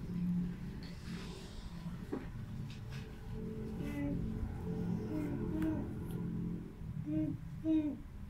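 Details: Child, class 6 student, with stammering, answering a therapist's questions on day 1 before any speech therapy: stuttering.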